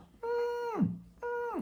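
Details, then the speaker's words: A pediatrician vocally imitates the wheeze, or "piado", heard by stethoscope in infants and preschoolers with recurrent wheezing: two steady high hummed tones that drop at the end. "quando o médico coloca o estetoscópio e coloca e percebe lá que tem aquele barulhinho que eu citei no início do vídeo o sibilo o piado"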